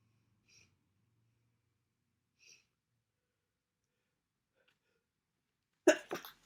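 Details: Bad cold with congestion and sniffling: quiet sniffs, then a single loud explosive sneeze with a short trailing burst.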